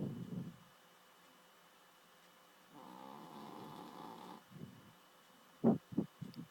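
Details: Adopted female dog whose loud snoring keeps the owner awake: a soft, fluttering breath sound in a quiet room, then a few short snuffling noises; snoring in her sleep.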